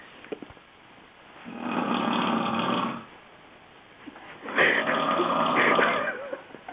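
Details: Snoring from a sleeping adult: two loud, rough, rattling snores on the in-breath, each about 1.5 seconds, with quiet pauses between.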